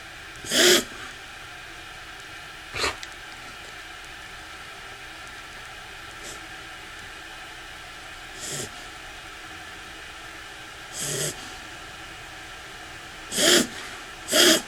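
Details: Cough in an 11-year-old dog, owner very concerned whether it is normal: about six short, harsh, breathy bursts, spaced irregularly over fifteen seconds with quiet between.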